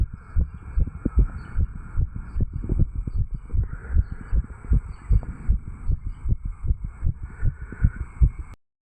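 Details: Normal heart sounds after exercise: fast, regular heartbeat thumps from a 35-year-old male, self-recorded with a stethoscope over the tricuspid valve area right after jogging, with a faint steady hum behind.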